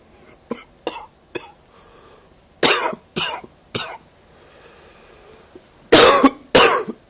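About eight coughs in short bursts, from soft to loud, in an adult with a cold.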